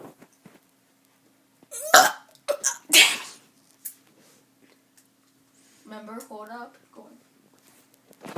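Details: Girl (kid) makes a few sharp throaty bursts, likely deliberate burps, followed by brief child vocalizing: burping.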